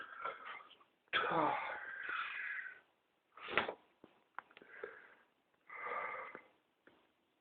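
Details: Adult with pertussis (whooping cough), ill about 2 weeks, tested and on medication, around 7am: paroxysmal cough with harsh, strained inspiratory whooping gasps and cough bursts between pauses; fits recur about hourly.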